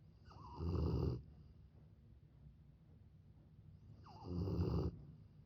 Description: This mama dog and her puppy fall asleep side by side, snoring perfectly in sync.